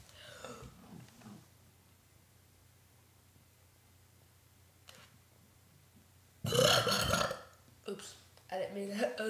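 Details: A quiet stretch, then one loud, long, rough burp followed by a few short voiced sounds; deliberate belching.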